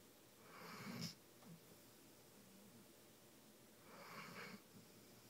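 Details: Dog asleep in a hotel with its head resting on a person; snoring.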